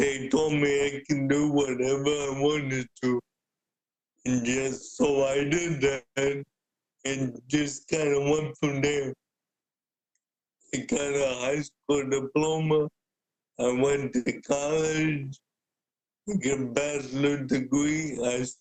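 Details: Adult man with cerebral palsy present since birth, a wheelchair user who describes his physical limitations; speaking is noted as hard for him. Dysarthria (cerebral palsy).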